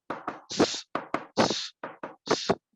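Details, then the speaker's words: Vocal imitation of heart sounds in a rheumatic heart disease lecture: a hissing whoosh after the second heart sound, mimicking a diastolic murmur occurring between normal heart sounds with duration. "Murmur is an abnormal heart sound occurring between the normal heart sound with a duration. Why should we do duration? Murmur has duration."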